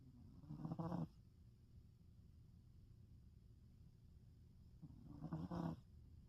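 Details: Two rough, rumbling snores about four seconds apart with quiet breathing between, from a sleeping black stray cat; ordinary snoring.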